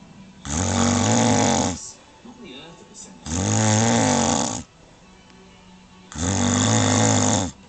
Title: snoring mrs :-)